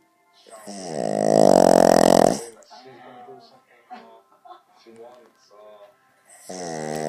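Loud, drawn-out rumbling snore with softer snuffling breaths between; room talk nearby. Snoring in a sleeping dog.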